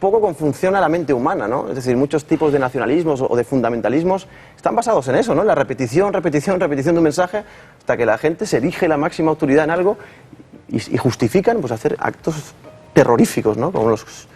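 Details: Adult man, a psychologist and speech therapist, who says he stutters less since overcoming his stuttering complex but still stutters at times; stuttering.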